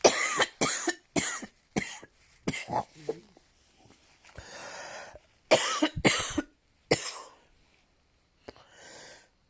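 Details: An adult gives about nine sharp, dry-sounding coughs in two bouts, with a loud indrawn breath between them: cough.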